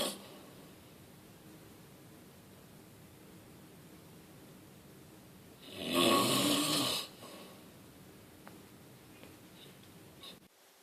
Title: Super Snore!